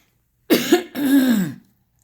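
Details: Adult, ill and waking very woozy and light-headed with poor sleep: two quick, harsh cough bursts in a quiet room.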